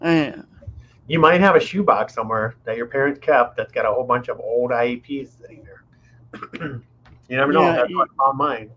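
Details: Adult man; typical speech.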